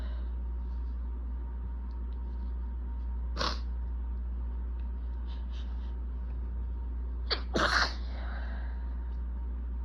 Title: I’M BACK! With BAD allergies! Itchy, desperate sneezing fit w/building congestion (recorded 3/21)